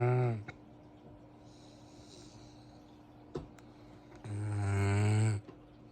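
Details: Sleeping dog snoring very loudly: two loud, deep, rattling snores separated by a quiet pause and a short snort.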